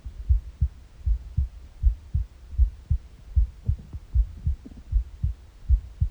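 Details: Morning heartbeat recorded on an empty stomach: regular low heartbeat about 78 beats a minute with faint gurgling bowel noises in places; normal heart sounds with bowel sounds.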